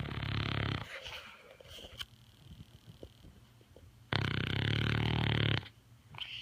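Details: A 12-year-old dog sleeping and snoring: two deep, loud, rumbling snores on the in-breath, separated by quieter snuffly breathing.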